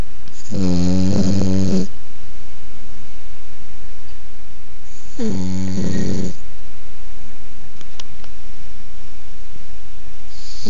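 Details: Snoring during sleep: two long, loud, buzzing snores about five seconds apart over a steady background hiss.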